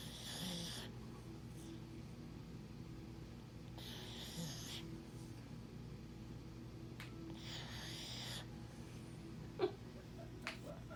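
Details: Soft, breathy snores about every four seconds, roughly 15 a minute, over a low background hum: snoring.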